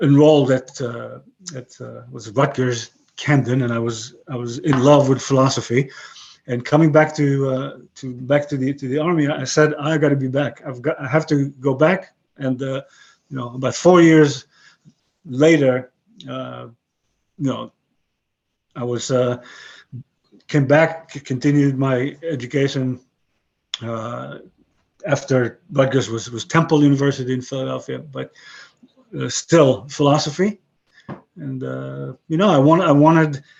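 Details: 62-year-old man with aphasia since a stroke about 11 years earlier; he lost most of his languages and calls his remaining English broken; aphasia.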